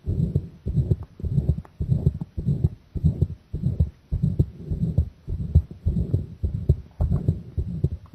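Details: Strong, thumping heartbeats in steady paired thuds, about 100 a minute, recorded under pressure or compression; the person says the heart was already pounding hard from the start.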